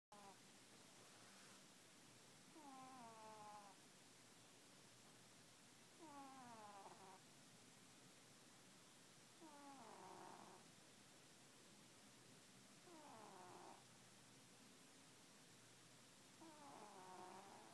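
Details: A sleeping cat snores loudly with a squeaky, whistling tone on each breath, about 18 breaths a minute.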